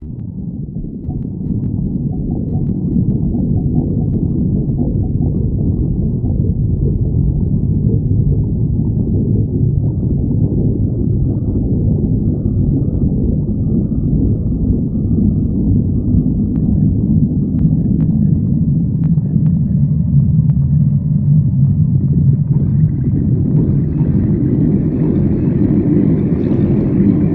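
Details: Continuous low rumbling and gurgling from the abdomen: stomach growling, borborygmi from gas and fluid moving through the gut.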